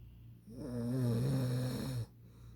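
A single long, low, rattling snore on an in-breath, with quiet breathing before and after. Ordinary snoring.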